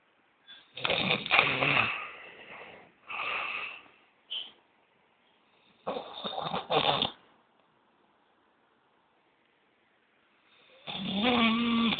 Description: greatest snoring of all the times ....i bet no one snors more than me....